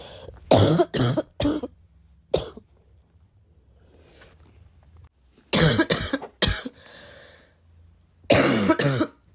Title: coughing because I’m really sick